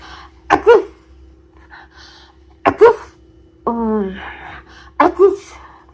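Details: Three acted sneezes, each a quick in-breath and a sharp burst, with a brief vocal sound between, over light background music, demonstrating hygienic sneezing for babies and toddlers; sneeze.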